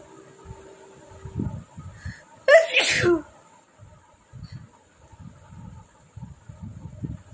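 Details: One sharp, explosive sneeze with a quick intake of breath before it, recorded during a nose-sneezing challenge. There are quiet room sounds and faint murmuring.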